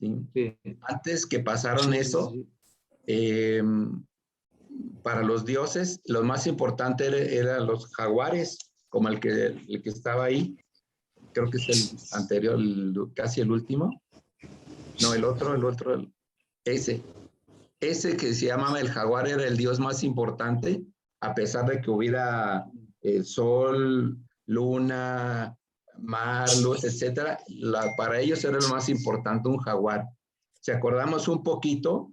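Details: Aphasia after acquired brain injury from stroke in a participant of an art history workshop for people with aphasia, giving a spoken presentation in Spanish with broken, disordered phrasing; finding: aphasia.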